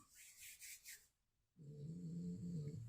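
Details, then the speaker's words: Dog lying under a chair, recently unwell, resting: brief rustle, a moment of quiet, then a low rumbling snore. "That's my dog. He's under the chair snoring."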